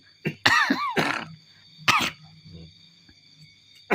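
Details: A coughing fit after hard laughter: three or four harsh cough bursts with a squeaky, laugh-like catch, then quiet breathing, over a steady background hum.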